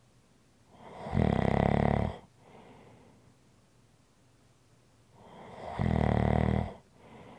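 Two loud, buzzing snores on breathing in, each followed by a soft exhale, about every 4.5 seconds: snoring.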